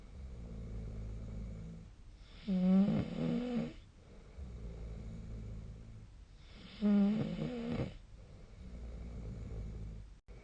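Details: Sleep snoring: two loud, rough, vibrating inspiratory snores, about 14 a minute, with quieter breathing noise between them.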